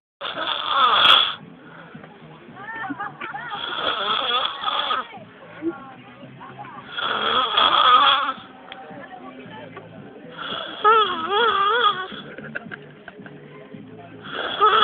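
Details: Loud snoring: rough, rattling snores on each breath, about four in 15 seconds, with quieter whistling and whining sounds between them.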